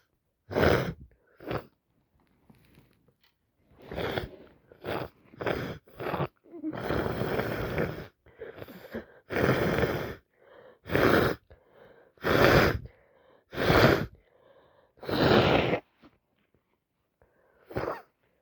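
Repeated sharp sneezes and wet sniffles with short pauses between, an adult with a cold and runny nose.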